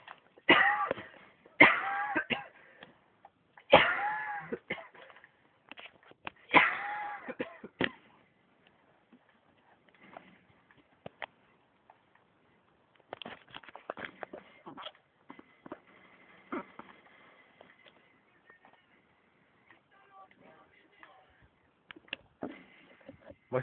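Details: Playful imitation of a coughing fit, not a genuine one: a run of loud, voiced cough-like bursts, then quiet room sounds.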